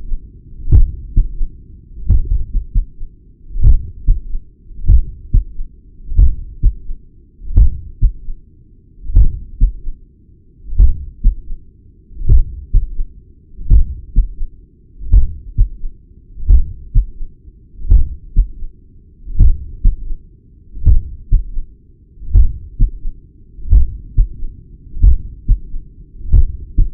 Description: Heart murmur and third heart sounds S3 captured at apex with the Stemoscope device.